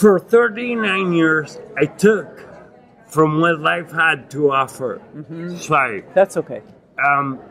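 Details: Adult man with non-progressive acquired ataxia and myoclonus (Lance-Adams syndrome) after severe brain damage from Legionnaires' pneumonia and a 12-day induced coma in 2011; reports difficulty speaking and articulating and getting winded when speaking; ataxic dysarthria.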